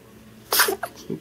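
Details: Single sneeze from a boy who also has hiccups: one sharp explosive burst of air with a short aftersound.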